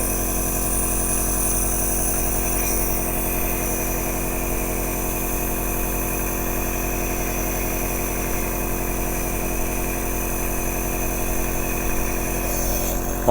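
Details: Steady droning motor hum with constant vibration from a Niscomed compressor nebulizer switched on in a demonstration, producing medication mist; a session typically runs 10 to 15 minutes.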